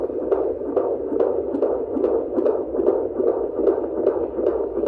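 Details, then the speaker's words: Normal fetal heartbeat of a baby girl at a 28-week third-trimester checkup: rapid, regular whooshing Doppler pulses at about 140 a minute; the doctor says she sounds great when the signal stays on. "140 says she sounds great when she stays on."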